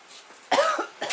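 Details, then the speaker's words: Adult woman with the flu: a single harsh cough burst after a quiet moment, with the start of another at the end; cough. "cough it up honey cough it up don't worry about it cough it up get it out"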